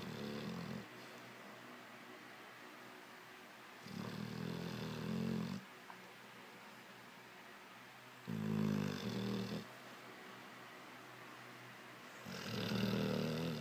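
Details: Sleeping Mastiff dog, female; loud rumbling chainsaw-like snores on each breath in, about 15 breaths a minute, with quiet gaps between: snoring.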